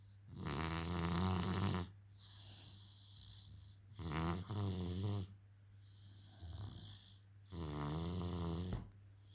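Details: Loud, rough, low rattling snores in bursts of about a second, separated by quieter breaths and faint room noise; snoring.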